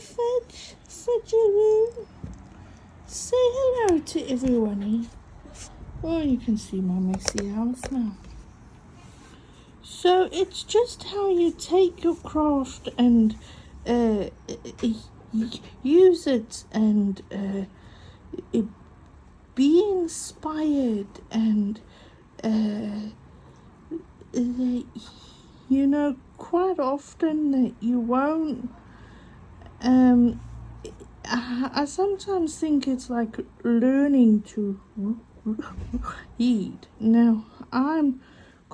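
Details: Stuttering in an adult woman, self-reported as mostly on vowel-initial and W words; she has accepted it and copes using breathing.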